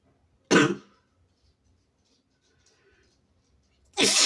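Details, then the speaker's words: Sick person with a sensitive nose deliberately inducing sneezes, with two abrupt explosive sprays about 3.5 seconds apart; forceful sneezes. "I'm spraying all over my leg, my arm, myself. Oh shit. I also sneezed all over my cell phone."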